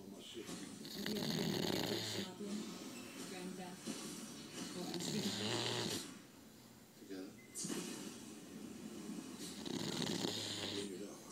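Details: Loud, rattling, gurgling snores in steady cycles with a harsh noisy inhale and exhale from a sleeping English bulldog whose eye looks open.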